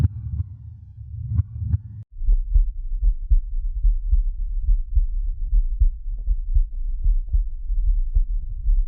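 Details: Simulated creepy horror heartbeat sound effect, royalty-free, not a real recording: deep muffled thumping heartbeat about 74 beats a minute with a low hum underneath.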